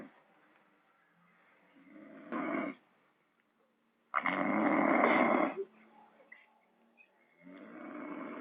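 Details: Loud, rough, rasping snores of uneven length with quieter breathing between them, recorded in a small boarding-house room.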